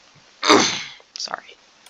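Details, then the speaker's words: Adult speaker with a cough: a single harsh, explosive cough burst followed by a brief breathy vocal sound. "sorry um if I sound a little weird it's because I have a cough and I have moved my rooms well my moved my mic around so it might sound a little different"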